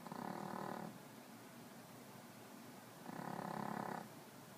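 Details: Puppy snoring: two soft, rough, buzzing breath sounds a few seconds apart in a quiet room.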